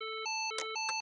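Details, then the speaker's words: Public AED in a how-to training demo: alternating electronic tones with brief bursts of noise as a shock is delivered, followed by the prompt "shock delivered, resume chest compressions". "shock delivered resume chest compressions"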